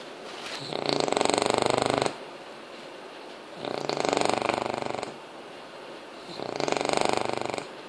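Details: 5-month-old English Bulldog puppy snoring while asleep: three loud, rattling, buzzy snores, each over a second long, with quiet pauses between, about 22 breaths a minute.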